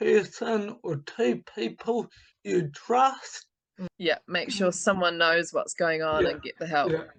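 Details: Adult speaker; typical speech.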